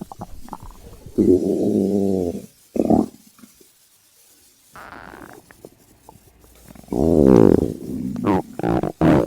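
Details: Hunger stomach sounds (ASMR): bursts of low, bubbling gurgles and drawn-out growls with quiet gaps between them; stomach growling (borborygmi).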